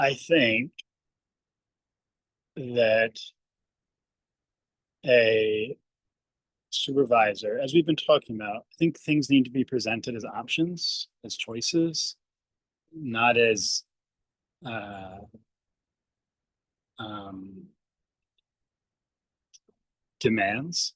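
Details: Adult speech-language pathologist who stutters, speaking on a panel, with long pauses and fillers before words; stuttering.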